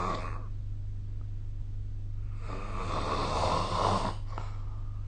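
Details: Rough, rattling snoring on the in-breath during sleep, with a steady low hum in the room, recorded with the SnoreLab snoring app: snoring.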